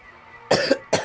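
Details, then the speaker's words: An adult livestreamer gives two short, harsh cough bursts after a quiet pause and apologizes for coughing all the time. "guys I'm so sorry I feel bad that I'm coughing all the time."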